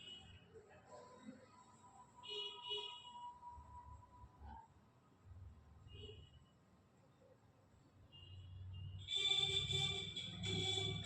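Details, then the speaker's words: Digital blood pressure monitor taking a patient's reading: electronic beeps and motor hum with faint room noise; reading 132/80, described as high pressure. "কত আছে তোমার 132/ 80 আছে 132 / 80 আছে তাইলে ওটা কাজ করছি"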